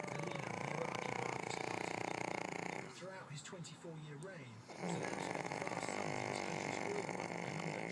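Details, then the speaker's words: Loud, steady, rattling snoring from a sleeping person, briefly breaking into softer breath noise then resuming; heavy snoring, person possibly dreaming. "Hey, you're snoring really loud."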